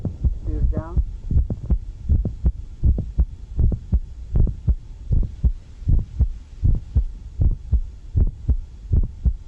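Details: Regular heartbeat near 79 a minute with a sharp extra click in mid-systole and faint speech at the start: mid-systolic click of mitral valve prolapse.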